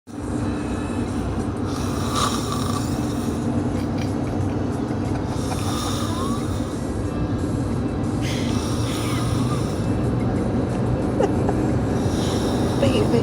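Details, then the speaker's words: Snoring: four rough, rattling breaths about every three seconds, roughly 18 a minute, over room noise and faint music; snoring likened to a grandpa or a whale. "He snores like my grandpa. Oh, that's hilarious. Oh, it's coming, it's coming. Like the whale."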